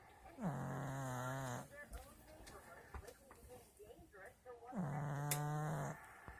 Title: Snoring pug. It's a wrap.